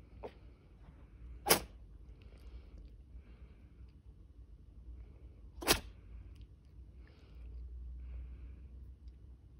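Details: A cat meows to be put under a blanket, purrs, then sneezes: two sharp, brief sneezes a few seconds apart in a quiet room. Sneezing.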